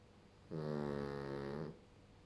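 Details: Sleeping pug: one drawn-out, rattling, buzzy snore lasting just over a second against a quiet room; snoring.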